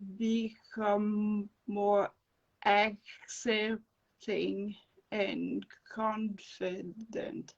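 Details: Adult woman with non-fluent aphasia after encephalitis and an anaesthetic-related brain injury; speech slow and broken, with dropped words when fatigued.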